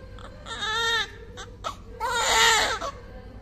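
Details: First cry of a full-term newborn baby boy, 2.8 kg, after normal delivery: two strong, high-pitched wailing cries with short breaths between them.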